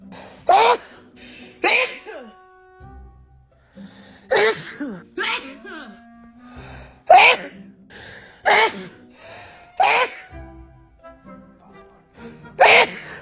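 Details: Repeated forceful sneezes, each with a sharp inhaled build-up, about ten in thirteen seconds, with music behind, from a Black woman who is sick with a cold or flu; sneezing fit, edited looped recording.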